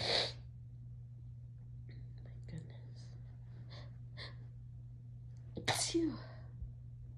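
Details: Person sneezing while tipsy and high: two sharp, loud sneezes separated by soft breathy sounds, against a steady low room hum.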